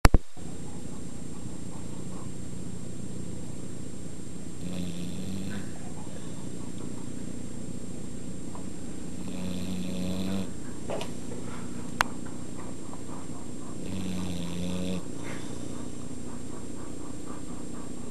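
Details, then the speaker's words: A sleeping female pit bull snores loudly, with rumbling noisy bursts about every five seconds over a steady low hum. "dog snore like crazy. You hear when she blows up?"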